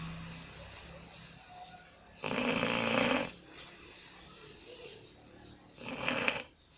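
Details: Snoring recorded on an Alcatel Onetouch Flash Plus phone: two loud, rough, rattling snores separated by quieter breathing, with faint background sound.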